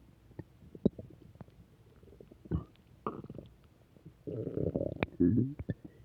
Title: Return of stomach growls